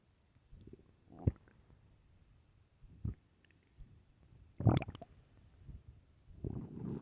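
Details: Loud hunger stomach growling (borborygmi): irregular low gurgles, squelches and rumbling bursts, some loud and sharp, others soft and drawn out.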